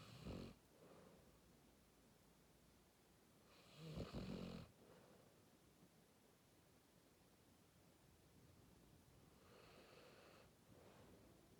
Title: Sleepy dog, with a bit of snoring #shorts